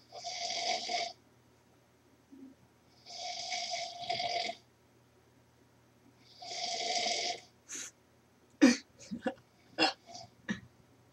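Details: Sleeping man snoring: three long, rough, rattling snores a few seconds apart, then short snorts and sniffs, recorded as proof that he snores.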